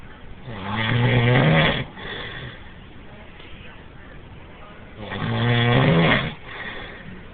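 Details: An adult man snoring loudly in a bunk room, noisy enough to drive a roommate out.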